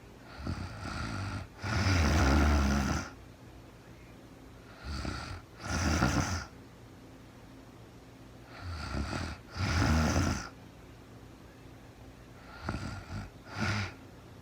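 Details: Woman sleeping, recorded in real time with no talking: loud, rough, rattling snores on each breath in, paired with softer breaths out, at about 16 breaths a minute in a quiet room.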